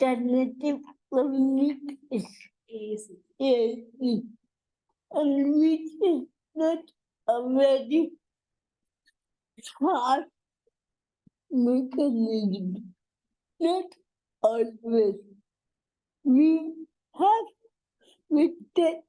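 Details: Adult woman with cerebral palsy, a real speaker in a conversational interview; dysarthria (cerebral palsy).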